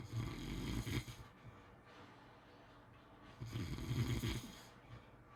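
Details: Typical snoring during sleep: two loud, rough, fluttering inhaled snores about three seconds apart with quiet exhalation between, roughly 18 breaths a minute.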